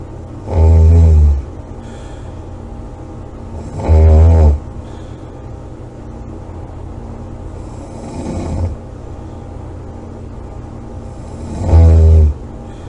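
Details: Loud rumbling snores on each in-breath, about every four seconds, with quiet breathing between and a softer snore among them, over a steady background hum; snoring.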